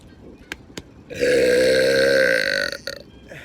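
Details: Man deliberately burping outdoors on a boat: one long, loud, voiced belch lasting over a second with faint outdoor noise; burping.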